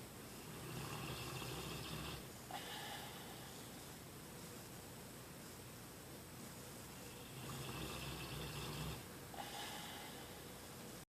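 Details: Dozer asleep sitting up: quiet, rough breathing sounds in slow cycles under steady background hiss; soft snoring.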